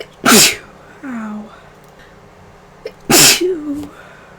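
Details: Allergic sneezing from funeral flowers in the house, Claritin worn off, runny nose and headache; two sharp explosive sneezes about three seconds apart, each followed by a brief voiced sound.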